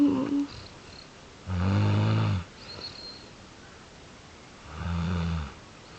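Deep, vibrating snores about three seconds apart, with quiet breathing in between. Ordinary snoring during sleep.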